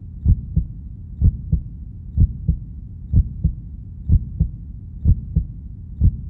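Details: Stethoscope recording of a heartbeat: steady paired heart thumps at about 62 beats a minute, even regular rhythm.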